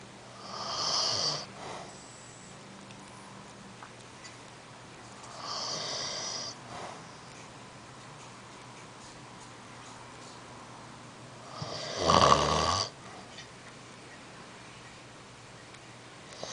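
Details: Snoring from a sleeping elderly man (grandpa): three loud, rough, rattling breaths several seconds apart with quiet room noise between; snoring with pops.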